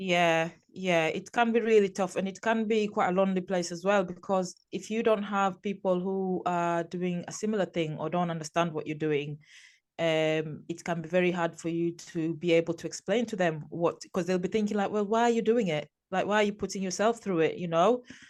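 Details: Adult woman speaking; normal speech.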